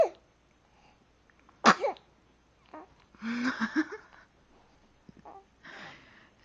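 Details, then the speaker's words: Infant sneeze: a sharp, sudden sneeze, then soft vocal sounds and breathy noises; an ordinary sneeze. "your sneeze was funny? You think it's funny? You think it's funny?"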